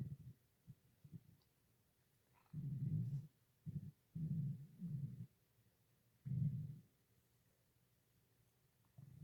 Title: stomach growling 2